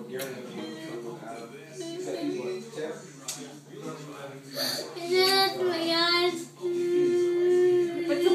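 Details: Infant crying from a baby boy on his birthday: a wailing cry rising over background music and adult talk; ordinary baby crying.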